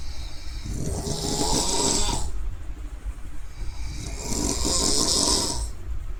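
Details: Snoring.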